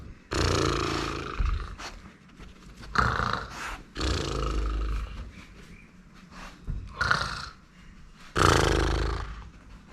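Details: Owner imitates snoring with loud, rough, snorting snores at irregular intervals, not real sleep, while a German Shepherd reacts with dog noises mixed in.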